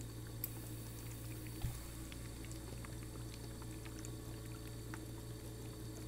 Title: ASMR Oxygen Concentrator